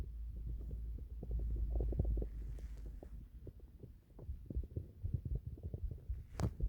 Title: More random stomach noises